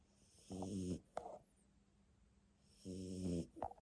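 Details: Jack Russell Terrier snoring in sleep: two low, rattling snores, each followed by a brief snort on the out-breath.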